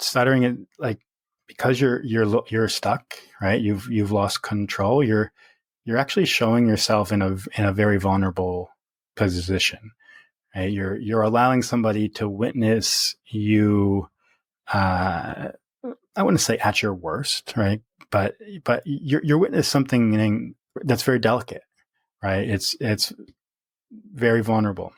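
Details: Stuttering in an adult man who has stuttered since early childhood, harder through adolescence and young adulthood, now fairly easy after embracing his stutter; repetitions audible.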